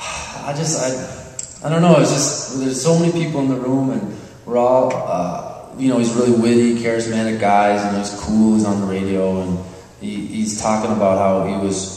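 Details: Genuine stuttering in a speaker at a live stuttering-association conference session, July 2009.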